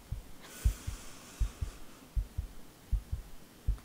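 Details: Roleplay ASMR heart checkup, simulated: paired low thumps at roughly 80 beats a minute on the chest, regular rhythm with no skipped beats; normal heart sounds.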